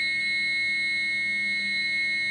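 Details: AED trainer in CPR training, with adult/child pads placed upper right below the collarbone and lower left below the rib cage. After rhythm analysis and "stand clear," it gives a steady, high, buzzing alert tone advising a shock.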